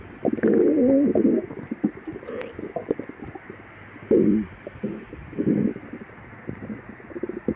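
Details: Stomach growling in a person with severe lactose intolerance after fasting 12 hours, recorded before and after drinking milk: irregular gurgling and bubbling with several longer rising growls over a steady hiss; borborygmi.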